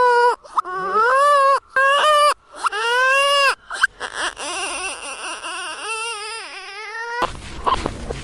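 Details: Sound-effect recording of a crying newborn: loud, high-pitched rhythmic wailing cries with brief gasps between them; newborn cry.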